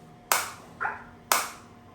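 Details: Biotronix SW7 focused (not radial) shockwave therapy device, handle firing while intensity and frequency settings are adjusted: sharp, loud snapping clicks about one second apart, each with a brief ring. Shockwave device firing.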